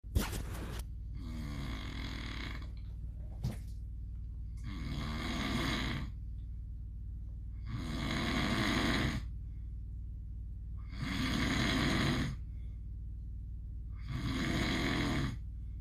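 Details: Sleeping pit bull dreaming: regular soft snores about every three seconds over a steady low room hum; normal dog snoring.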